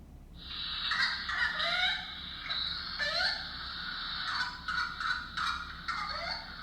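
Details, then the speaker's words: Whooping cough (pertussis) in a baby: rapid runs of continuous coughing that empty the lungs, broken by high-pitched rising whoops on each sharp gasping inhalation to refill. "now if you have noticed in this sound bite a baby is coughing continuously and then his perhaps lungs are getting drained out of air so he wants to take a quick gasp of air to refill"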